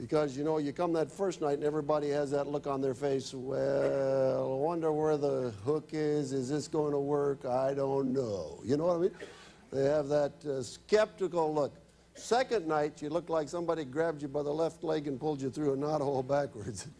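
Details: Adult male speaker; typical speech.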